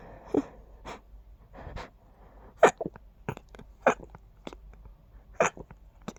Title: Quiet, stifled sneezes 🤫